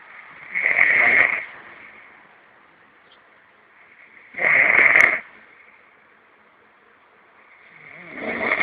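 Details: Loud, rough snores about every four seconds on the in-breath, with quiet between them; snoring.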